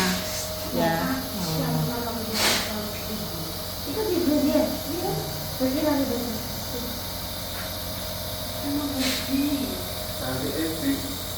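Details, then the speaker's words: Steady hissing hum of a running nebulizer treating young child Aleena's persistent cough, with voices in the background. "Teman-temena baru dinebu batuk banget ya."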